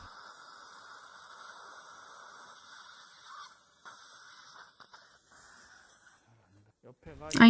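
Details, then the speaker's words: Implant drilling sequence (3.5x7, 3.5x10, then final 4.0x10 mm) in a lower anterior extraction socket of a 63-year-old man for an immediate implant: steady high drill whine for several seconds, stopping and restarting briefly. "3.5 by 7 mm was done now it's 3.5 by 10 mm 4.0 by 10 mm so this is final drill"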